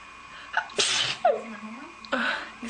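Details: A sharp inhaled catch, then two forceful explosive sneezes with a short voiced sound between them, from a young woman who then says excuse me: sneezing.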